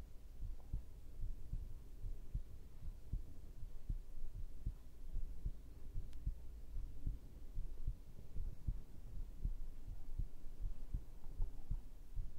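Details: ASMR heartbeat sound recording, possibly with a binaural microphone: soft, muffled low thumps repeating steadily against a faint hum; a normal heartbeat.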